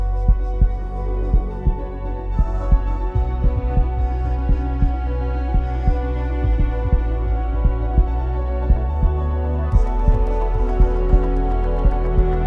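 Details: Produced heartbeat sound effect in an epic music mix: steady low thumps at about 57 a minute under sustained orchestral music.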